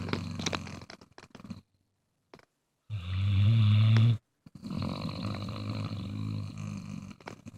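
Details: Bluetick Coonhound snoring: a loud, deep, rumbling snore lasting over a second, with quieter breathing and rustling around it.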